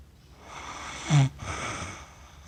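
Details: Adult accidentally recorded while asleep, with cats nearby; a single short, low snorting snore rises out of quiet breathing noise, then fades back.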